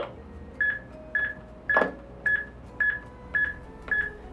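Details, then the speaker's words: HeartSine samaritan AED trainer, French-language training: steady electronic metronome beeps at about 110 a minute pacing chest compressions on a training manikin, continuing two minutes during simulated CPR. "métronome continuera pendant deux minutes pendant ce temps là le formateur devrait informer d'effectuer disciple de transition de poitrine pour deux insufflations"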